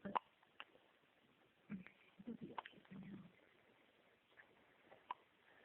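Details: Little boy with hiccups: several short, sharp catching sounds recurring irregularly in a quiet room, with a few soft vocal noises between them.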